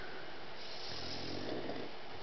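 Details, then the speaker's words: Awake older (about 7 years) St Bernard/Pyrenees mix dog with a suspected lingering pulmonary issue, possibly from untreated pneumonia, on doxycycline: low rumbling, snore-like noisy breathing (stertor), with wheezing. "you hear that it sounds like snoring but it's uh I'm not sure what it is my guess is that this dog has had a pulmonary issue at some time in its life that was never resolved and gave him a condition similar to a COPD chronic obstructive pulmonary disease that would be my guess"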